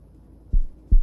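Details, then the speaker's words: Korotkoff sounds during a blood pressure measurement in a cardiology lab practice: the cuff is pumped until the pulse is no longer felt, then deflated slowly while listening for the pulse. "y cada vez que sintamos el pulso vamos a bombear hasta que dejamos de sentir ya luego que dejamos de escuchar el pulso vamos a llevar la manilla dos veces los vamos lentamente"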